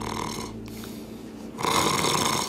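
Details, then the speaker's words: Demonstrated nasal snoring in the context of a person in their 20s with severe snoring that worsened with weight gain: buzzing, nasal snore on inhaled breath, felt as vibration in the nose rather than throat. "이렇게 잘 느껴 보면 코가 이렇게 떨리는 느낌이 있을 거야 그거 코 거래요"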